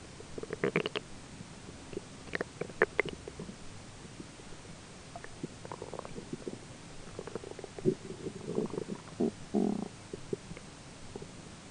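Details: Self-recorded belly grumbling during digestion, roommate talking faintly in the background: irregular gurgles and low rumbles; ordinary bowel sounds.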